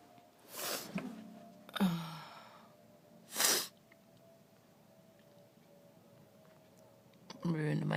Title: Blowing and sneezing request!